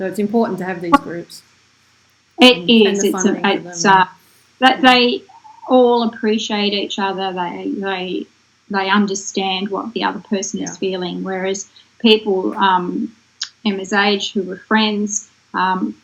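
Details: Adult woman speaking; normal speech.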